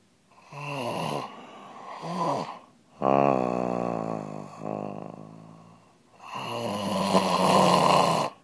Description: My boyfriend's snoring captured on my phone! Luckily I have a sense of humour...